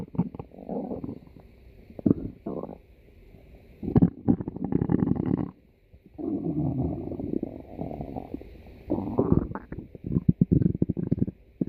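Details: Loud stomach growling (borborygmi): long, low gurgling and rumbling in several waves; ordinary gut sounds.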